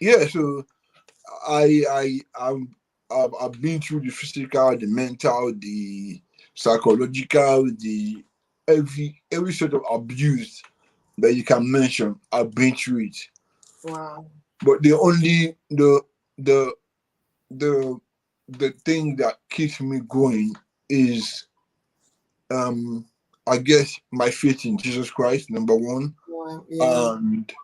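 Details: Dysarthria in an adult man born with cerebral palsy affecting movement and speech, attributed to a high bilirubin level at birth.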